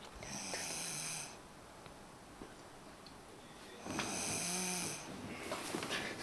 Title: Snores. Lmao!